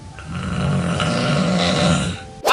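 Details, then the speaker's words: Snoring: one long, rough, vibrating breath drawn through the throat; a loud snore. "el tratamiento para los ronquidos en sí consiste en el uso de medidas generales para evitar los factores de riesgo entre ellos podemos encontrar dormir con la cabeza elevada el uso de anticongestivo evitar el consumo de alcohol o sedantes antes de dormir"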